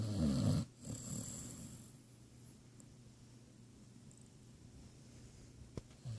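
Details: Sleeping basset hound gives one loud, low rumbling snore, then quiet breathing with faint room noise; snoring.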